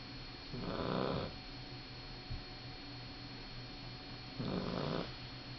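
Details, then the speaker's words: Sleeping male puppy snoring: two soft snoring breaths a few seconds apart over a faint steady hum. "I love hearing him snore. Little boys are out for the count for a little while."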